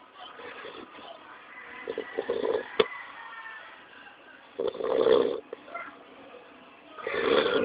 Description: My cute pitbull Pup "NANA" is Snoring